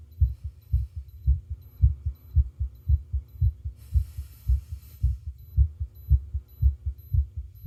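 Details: Normal heart sounds recorded with ECG monitoring: regular, steady heartbeat at about 110 beats a minute, with faint monitor beeps.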